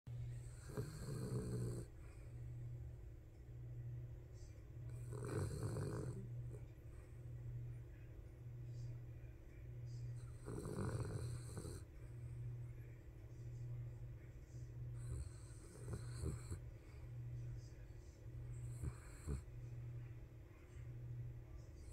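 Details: Rhythmic snoring, a rough rasping burst about every five seconds over a steady low hum.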